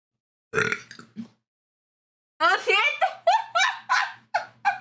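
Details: Short burp, then a rapid run of loud, voiced belches from a young Mexican woman who says she has just eaten and complains of being made to drink water; repeated burping.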